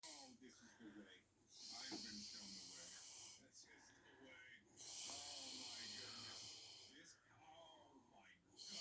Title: Snoring Mum Hissing In Her Sleep